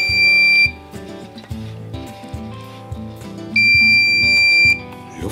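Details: Sustained high electronic alarm tone sounding twice with a pause between, from a Bodyguard 323 infusion pump in PCA (patient-controlled analgesia) mode: air-in-line alarm.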